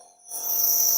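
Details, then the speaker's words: After a quiet start, a steady high-pitched hiss with a faint hum from an Accusure compressor chamber nebulizer holding about 4 ml of water, its flow turned fully up; compressor nebulizer running. "इसको बंद कर देते हैं और अब on करते हैं तो इस तरीके से आप देख सकते हैं कुछ स् बनती है"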